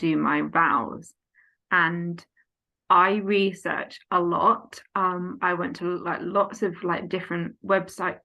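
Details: Aphasia in an adult woman following a stroke at age 18, now 14 years post-stroke, affecting speech, reading, writing and understanding numbers.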